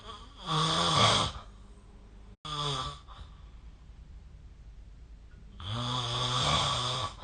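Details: Three loud, rough, buzzing snores about a second long with quiet between, recorded during sleep with the SnoreLab phone app: snoring.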